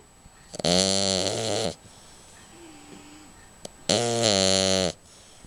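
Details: Snoring during sleep: two long, loud, rattling snores on the in-breath with a quiet pause between them.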